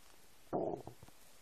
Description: English: New noises of my empty stomach. I hope you like it :3 Have fun and enjoy :D